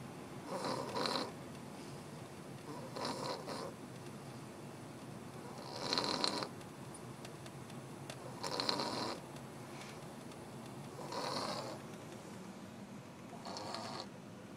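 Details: Man snoring, soft rattling snores on inhalation, about six in fifteen seconds, over quiet room noise.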